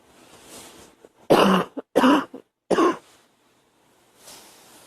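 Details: Girl coughing: three loud, harsh cough bursts in quick succession, the first two with short trailing catches; plain repeated cough.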